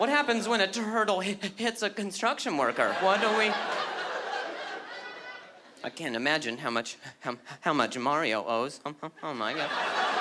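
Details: Acquired stuttering in an adult male, beginning at age 20 after a softball hit his throat, causing a minor vocal contusion and a major concussion later diagnosed as traumatic brain injury; word repetitions heard.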